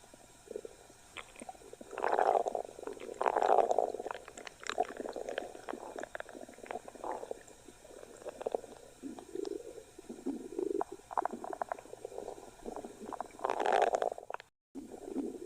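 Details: Long, gurgling, bubbling stomach growls rising and falling over several seconds, gas and fluid moving through the gut; borborygmi.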